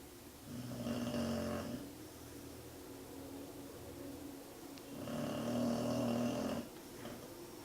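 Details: Two loud, buzzing snores about four seconds apart with softer breathing between, from a sleeping female pet whose snoring is loud enough to make the desk and floor vibrate.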